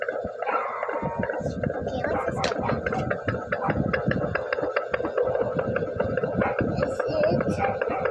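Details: Fast rhythmic whooshing fetal heartbeat picked up by a handheld fetal Doppler at 7 months of pregnancy.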